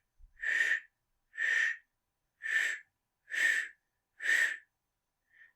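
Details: Vocal imitation of a mitral regurgitation murmur, made while teaching about heart murmurs.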